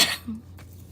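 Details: Adult woman recovering from voice loss, who has taken Benadryl, gives a single quick, harsh throat-clearing burst with a brief low voiced grunt while pausing mid-speech.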